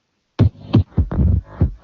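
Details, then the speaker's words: Normal heart sounds from a sample heart-sound dataset: low, regular lub-dub thumps at about 95 beats a minute with no extra sounds between beats. "Let us listen to this, and we can have a clear idea whether the heart sound is there, how we are going to identify based on sound. First one is normal sound."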